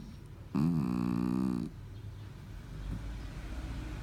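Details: Snoring.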